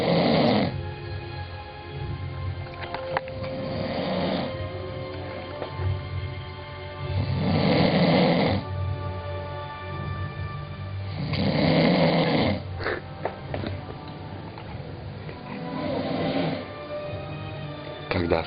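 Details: Tired person sleeping, recorded by a younger brother: loud rumbling snores about 4 times over 18 seconds, with steady low droning between; snoring.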